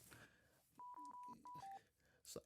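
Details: A short run of clear two-pitch electronic beeps with quiet room noise: a Draeger Infinity V500/800 ventilator alarm, ventilating a 10 kg, 77 cm child on pressure control SIMV in a paediatric intensive care teaching demonstration.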